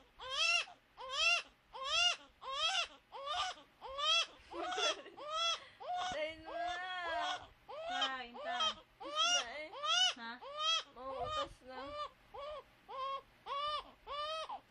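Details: Young child woken from sleep, crying; carer remarks she couldn't sleep because she had pooped. Rhythmic, high-pitched crying in repeated bursts, about 85 a minute; ordinary crying, not illness.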